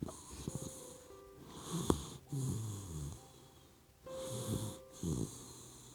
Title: GOODNIGHT BABY❤ OUR PUPPY DOG SLEEPING and SNORING LIKE HUMAN?🐕 I LOVE YOU🥰